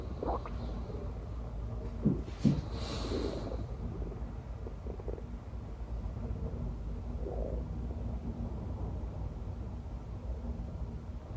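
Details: Stomach growls recorded while sleeping: low, irregular gurgling rumbles over a steady background hiss, ordinary bowel sounds (borborygmi).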